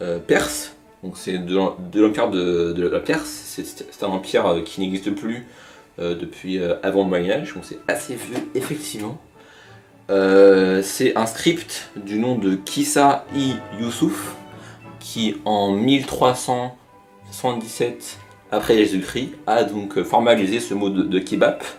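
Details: Stuttering in a French-speaking narrator of an informal hobby video from 2015, presented as stuttering in action.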